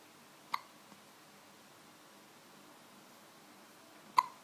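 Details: Hiccups in a little girl after drinking a bottle of full cream milk: two short, sharp hiccups about three and a half seconds apart in a quiet room.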